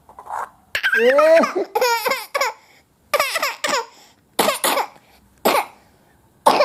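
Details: Young child coughing in short, harsh, noisy bursts mixed into bright, high-pitched laughter; coughing while laughing.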